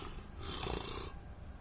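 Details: Single rough, rattling snore with low throaty vibration over steady room noise, recorded at night at a marriage lawn; snoring.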